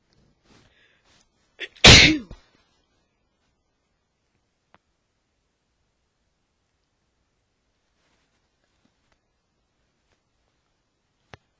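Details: Male with allergies acting up: a short in-breath, then one loud explosive sneeze, followed by quiet.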